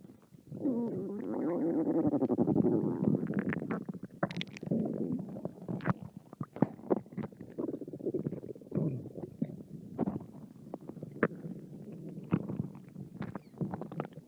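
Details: Hungry American girl's stomach growling: a long, gurgling, rumbling growl followed by irregular bubbling pops and squeaks from the belly; hunger-related bowel sounds.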